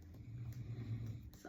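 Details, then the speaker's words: A person sleeping nearby snoring: a low, rattling snore rumbling through the first second, followed by a brief higher-pitched sound. "ada yang bobo susah dipindahin nih ini maaf banget"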